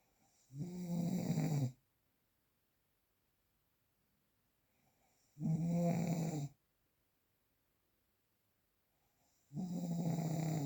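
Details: Real, unprocessed recording of snoring: loud, rough, low snores on each breath in, about 13 a minute, quiet pauses between.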